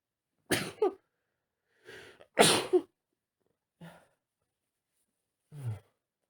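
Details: Adult male on day one of an autumn cold, working from home: a run of several sharp sneezes, each preceded by a short intake of air.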